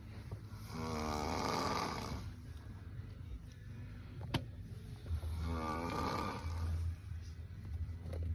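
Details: Adult male ("dude") snoring: two loud, vibrating snores about 4.5 seconds apart over a low background rumble; ordinary snoring.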